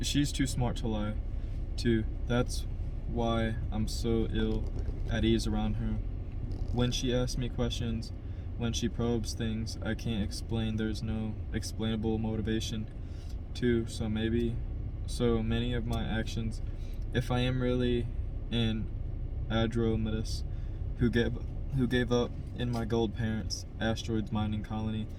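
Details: Adult man who stutters, by his own account a little, reading a novel chapter aloud as practice to help his stutter; part-word and word repetitions and revisions; stuttering.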